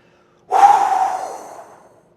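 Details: College student with hiccups for 15 minutes trying a super maximal inspiration remedy after blowing all air out: one sudden loud breathy gasp fading over about a second, a sharp forced intake of breath.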